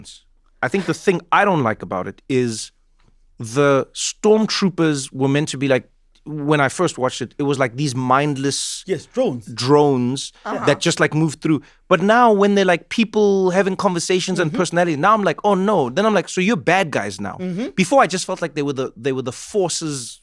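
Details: Adult male speaker in conversation; normal speech.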